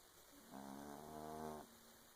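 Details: A single buzzy, droning breath about a second long from a sleeping cat over quiet room background: snoring.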